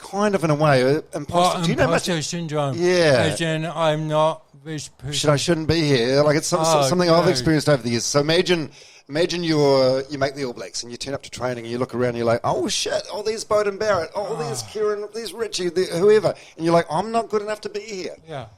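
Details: Adult male speaker; ordinary speech.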